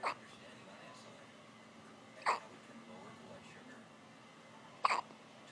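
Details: A person hiccups.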